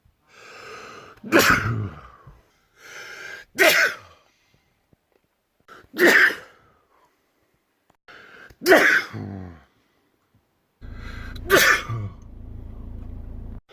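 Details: Five separate loud sneezes, each preceded by a drawn-in breath, with faint room hum under the last one; sneezing from a compilation of the same person's sneezes recorded over three months.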